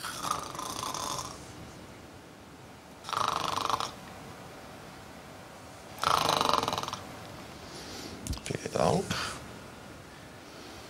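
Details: Adult woman deliberately imitating snoring during an ENT examination for snoring: three rough, rattling snores about three seconds apart in a quiet room, then brief murmuring; imitated snore.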